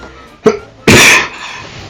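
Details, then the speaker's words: A person recorded asleep around 6 a.m., who also snores, takes a brief sharp intake and then gives one loud explosive sneeze without waking up. "Attends, mais c'est trop bizarre que j'ai éternué mais ça m'a pas réveillé. Je savais pas qu'on pouvait faire ça."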